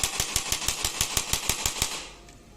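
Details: Rapid, regular sharp clicking bursts, about six per second for two seconds, then stopping: a digital electric chiropractic spine adjusting gun (up to 1100 N, 13 force levels) fired when pressed against the body.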